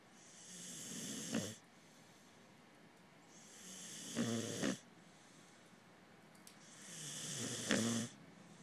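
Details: Sleeping pharaoh hound puppy snoring regularly, about 18 breaths a minute: rising airy inward breaths ending in a low snorting rattle.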